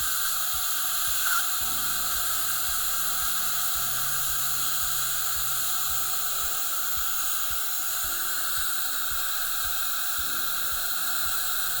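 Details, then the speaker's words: Steady high whirring hiss of a slow-speed dental drill with fine-grit carbide bur texturing composite onto enamel during Class V restorations for gum-line erosion on upper front teeth #8-9, faint background music. "with a slower spinning drill like this i'm not worried about damaging the enamel this is a really fine grit carbide so totally safe to do"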